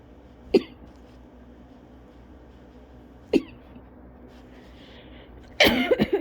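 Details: Persistent cough from cough-variant asthma lingering after bronchitis a couple of weeks earlier: single short dry coughs about every three seconds, then a louder cluster of coughs.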